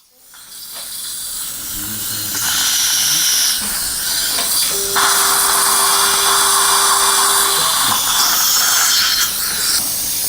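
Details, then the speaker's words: Surgical drill with water spray drilling bone to 4.5 by 10 mm through a OneGuide template for an implant at upper #16 in a 63-year-old man; poor bone quality; steady high-pitched whine and hiss. "4.5 by 10 millimeter drilling is done. Bone quality is not very good."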